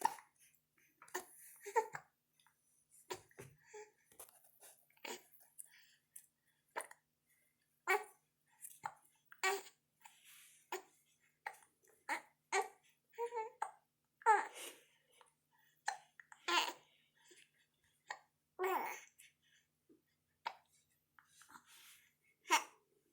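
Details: Happy infant with recurrent hiccups: frequent short, sharp hiccup sounds mixed with soft babbling in a quiet room.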